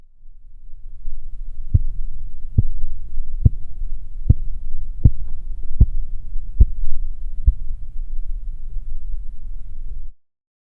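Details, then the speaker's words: Blood pressure measurement with a cuff and manometer: eight sharp tapping Korotkoff sounds at about 72 a minute over low cuff hum, then silence as the sounds disappear. "in the following example please listen for the various phases of the krotkov sounds while you observe the reading on the manometer"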